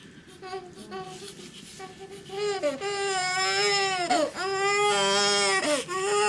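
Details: Loud, rhythmic crying of a newborn boy within his first 24 hours in hospital, around his first bath, building into sustained wails with brief breaths between; normal healthy newborn cry.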